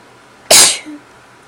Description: Just a few sneezes.